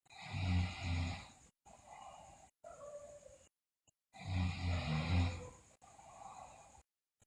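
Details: Sleeping girl snoring loudly, with bruxism and delirium noted; loud, low rumbling snores on the in-breath, each followed by a softer breathy out-breath, about two breath cycles; heavy snoring.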